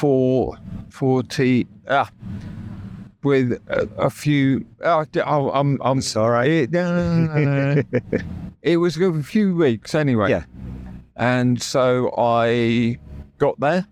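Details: Real adult man with persisting aphasia after a near-fatal stroke that paralysed his right side; he had to relearn speech, leaving hospital able to say only three words, and still knows what he means but the words come out differently.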